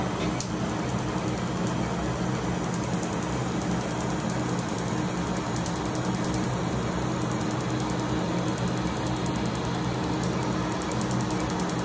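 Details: Rapid, steady train of sharp clicks from a Medlite C6 Q-switched laser firing over a low constant machine hum during a woman's second tattoo-removal session, treating a crown and a name, with frosting noted.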